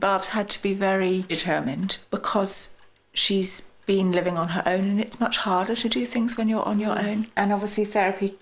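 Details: Adult woman speaking; normal speech.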